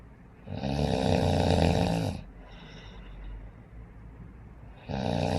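Loud, rattling, low snores on breathing in, with a quieter breath out between them; snoring.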